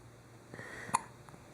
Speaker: Woo, those are big hiccups.